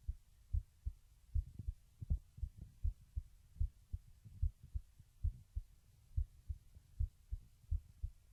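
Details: Normal heartbeat recorded with a webcam microphone while lying down: soft, dull, regular beats at about 73 per minute over faint background hum.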